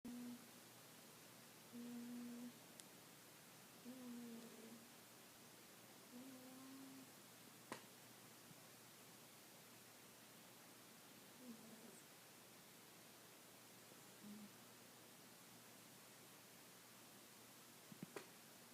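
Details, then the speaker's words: Soft, low, hum-like snores at irregular intervals from Cricket, a sleeping pet, in a quiet room; she is also stretching. "Cricket. Baby? You're snoring."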